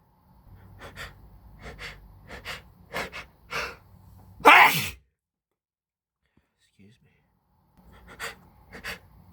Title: Allergy sneezing with intense build ups.